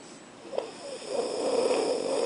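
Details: Boy asleep in class: a single rising, rattling snore on an in-breath against background hum; loud snoring.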